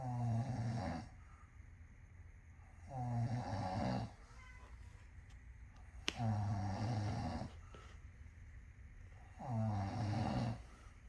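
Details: A human snoring, heard by a kitten: deep, rattling snores about every three seconds, roughly 18 a minute, with quiet pauses between; ordinary heavy snoring.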